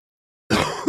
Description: The chest cold continues on...hope you like it.